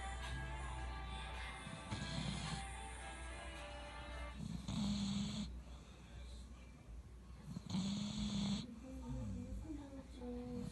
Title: Sleeping dog | don not disturb | #snoring #goldenretriever #dog